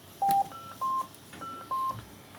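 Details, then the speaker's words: Oxivent Oxi 4 Plus transport ventilator in an emergency department staff training: three short clear electronic beeps at alternating pitches, an alarm sounding because no test lung is connected, then silenced. "Balonumuz olmadığı için cihazımız birazdan alarm vermeye başlayacak."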